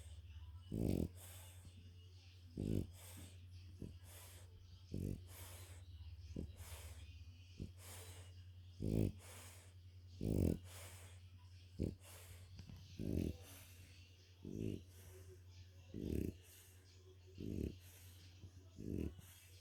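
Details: French bulldog napping after a walk, tired: rhythmic low snorting snores, about 42 a minute, over a steady background hum; snoring in a flat-faced dog.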